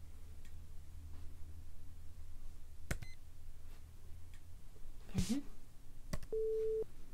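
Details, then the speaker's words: Brief clicks, then a short steady beep over low room hum: pure-tone hearing test tones in a role-played hearing exam by non-professionals, listener taps the side heard; pitches moving beyond the normal-hearing range. "those are the tones that most people are going to hear i'm going to go a little bit uh different pitches a little bit further outside of the range of the normal hearing"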